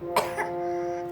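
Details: Two quick, short coughs from a child during alphabet learning, over a steady musical tone; she then wants to drink.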